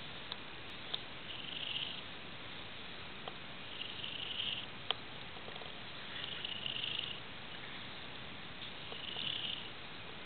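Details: Sound asleep: soft, hissy breathing noises rise and fall about every two and a half seconds over steady background hiss, consistent with light snoring.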